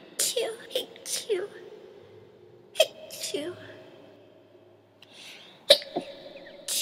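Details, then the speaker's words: Several short, sharp sneeze bursts with small snorts between them in a quiet room; sneezing. "chew, sneeze. Chew. I have to sneeze. Chew, sneeze."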